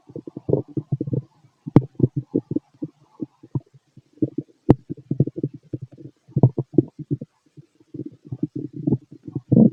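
Bursts of gurgling and bubbling from the belly through a stethoscope, with a couple of sharp clicks. These are ordinary stomach growls.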